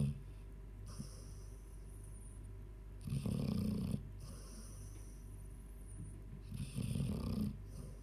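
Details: Rough, low snores every three to four seconds from a sleeping 14-year-old Labrador over a steady background hum; snoring.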